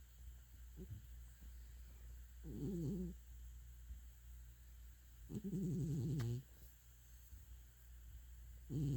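Soft, low rattling snores from a sleeping cat, several breaths over nine seconds with a steady low hum behind.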